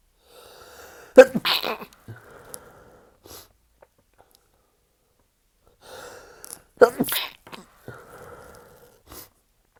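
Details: Two stifled sneezes several seconds apart during a second sneezing fit in bed after a shower, following about 19 earlier sneezes; each has a sharp catch, a muffled burst and short breaths afterward.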